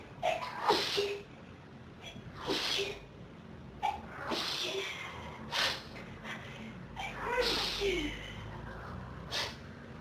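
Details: Rapid run of about six sneezes with gasping in-breaths between them, from a person with pollen and dust allergies since about age 14 reacting to a dusty room, saying their nose is on fire; sneezing fit (allergic rhinitis).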